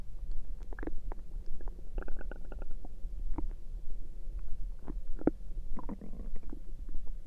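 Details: Stomach noises recorded through the night: repeated gurgling, bubbling and squeaky rumbles from the abdomen over a low steady hum; ordinary bowel sounds (borborygmi).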